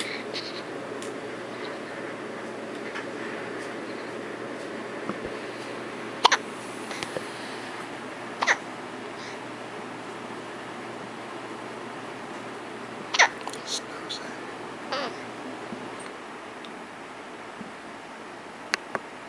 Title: Hiccups!